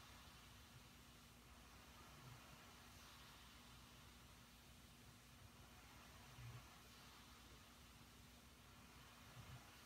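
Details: CPAP machine running during sleep: steady airflow hiss and low motor hum, no snoring heard.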